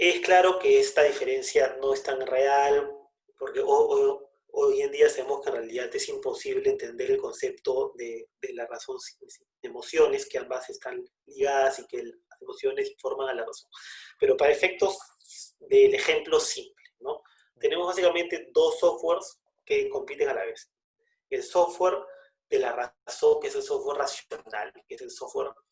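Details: Person who stutters (self-identified), speaking in conversation; stuttering.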